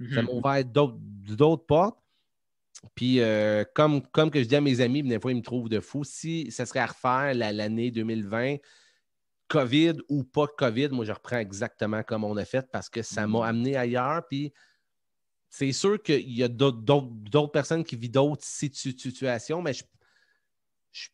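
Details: Stuttering in an adult man who identifies himself as a stutterer and says he stutters quite a lot in real life, becoming more noticeable as an interview goes on; he formerly needed many takes when filming.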